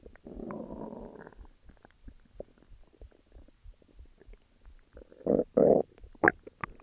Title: Stomach growls